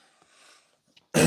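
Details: During a livestream, an adult speaker mentions their own wheezing and clears their throat. A quiet moment in a small room then ends in the abrupt, loud onset of a single cough.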